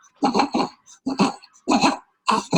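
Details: Inspiratory stridor from a breastfeeding newborn; examined in clinic while feeding.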